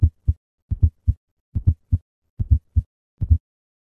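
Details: Low heart sounds in triplets at about 73 beats per minute, with an extra sound just before S1 forming a gallop rhythm; S4 gallop (fourth heart sound).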